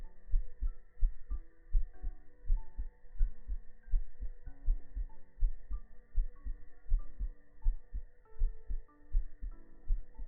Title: 舒眠向 來媽媽的懷抱中好好休息 耳朵按摩+心音 ❤Ear Massage+ Heart sound❤